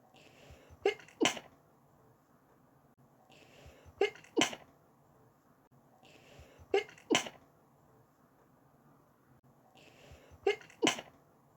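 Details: Four sneezes in a row, each with a short intake of breath before it, the morning after waking up: a sneezing attack.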